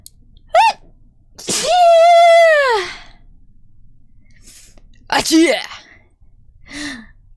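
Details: Sneeze compilation clip: a sharp indrawn gasp, then a long voiced sneeze burst, a second gasping sneeze and a short trailing sound; ordinary sneezing.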